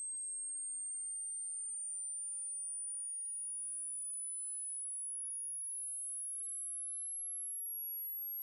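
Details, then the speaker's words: A steady, very high pure tone slowly rising in frequency and later getting quieter, used as a hearing-age test where the listener pauses when it becomes inaudible; a high-frequency hearing test sweep. "So, what's happening here is the sound is gradually increasing in frequency. And once you can't hear it anymore, that is your hearing age."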